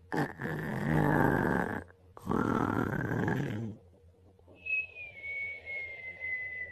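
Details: Adult man sleeping prone on his stomach, very exhausted: two loud, rough, rattling snores, followed by a faint high whistling breath; snoring.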